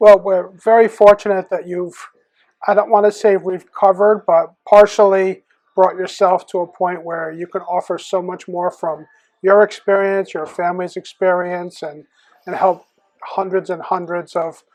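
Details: Adult male speaker; typical speech.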